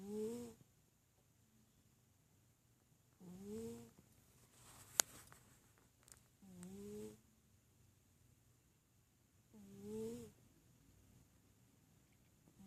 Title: MAC snoring